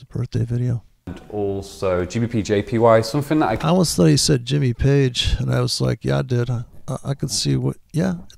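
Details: Adult male speaker; normal adult speech.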